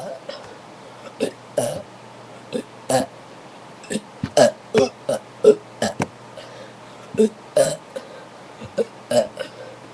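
A rapid run of many short, throaty belches over about ten seconds, roughly twenty or more, voluntary-sounding burping.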